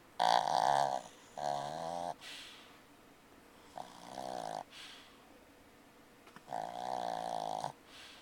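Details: A pug snoring during an afternoon car ride: loud, rattling snores with a buzzing, fluttering tone on each breath, about three in eight seconds.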